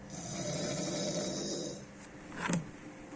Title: snoring at work